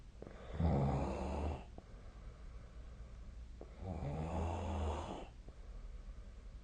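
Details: Snoring during sleep recorded with the SnoreLab snoring app, 2025/01/16: two long, low, rumbling inhaled snores about three to four seconds apart with quiet breathing between.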